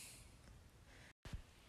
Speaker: sorry if you can hear my dog snoring he's loud but he's cozy he's warm and toasty because the heaters right there and we're both freezing like it's so cold